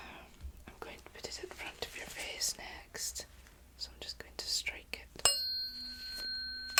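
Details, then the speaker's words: Whispering and handling noises, then a sharp strike and a steady ringing tone: tuning fork struck for a role-played ASMR cranial nerve hearing test, the listener asked to say when the sound stops. "Next, we're going to do the tuning fork test. So, going to hit the tuning fork and Then if you can tell me when you stop hearing it."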